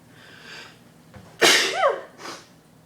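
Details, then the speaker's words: Sneeze with eyes open, induced by pepper for a challenge: a single loud sneeze after a brief sharp inhale, then a short trailing breath. "oh god i did it oh my god it's so awesome oh i sound like a man when i sneeze"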